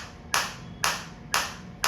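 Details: Biotronix focused (not radial) shockwave therapy applicator at minimum intensity, frequency 120, 1500 shots set, depth levels 1–5: sharp, regular snapping pulses about twice a second over a low hum.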